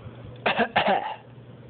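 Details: A child gives two short, voiced cough bursts, deliberately faked rather than a true illness cough; voluntary fake cough.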